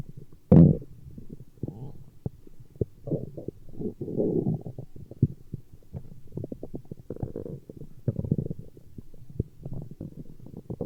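Low gurgling, bubbling rumbles from the belly, coming and going irregularly throughout; ordinary stomach growling.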